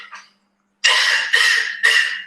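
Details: A patient's cough shown as a case video: a lot of dry cough, and he feels better sitting stooped with his elbows on his knees. Three harsh, forceful coughs in quick succession after a brief faint sound.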